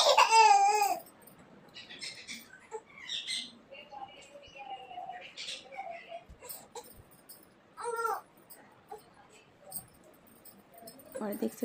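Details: Ordinary toddler crying after a night of fever: a loud, wailing cry, then quieter fussing and a few more short cry bursts over light room noise.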